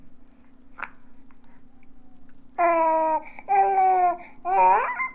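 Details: Normal infant cooing, from a 1967 recording of baby sounds for expectant and new parents.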